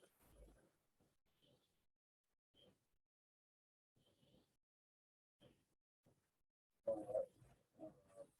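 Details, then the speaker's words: Simulated trauma scenario on a manikin, young man with right hemothorax: irregular snorting, snore-like breath noises suggesting suspected foreign body or upper airway obstruction; breathing cleared after jaw thrust. "so what we will do also he is snoring we will we are suspecting foreign body of extraction or or any airway obstruction"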